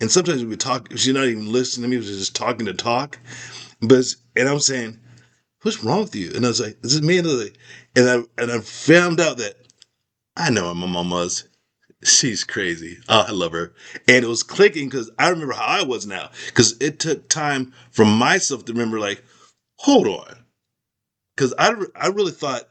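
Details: Aphasia after a stroke in an adult man whose skull was removed during recovery, with word-finding problems, repetitions and garbled sentences.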